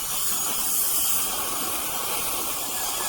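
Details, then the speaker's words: Surgical bur with saline irrigation cutting distal bone around the crown of a difficult lower left wisdom tooth, tightly impacted against the second molar, deeply invested in bone, roots close to the inferior alveolar nerve; channel extended to lingual plate; steady loud hiss. "Here we are starting to remove the bone. The initial point of entry is around the distal aspect of the crown, and we make an incision into the bone, and following the incision we travel to the lingual plate."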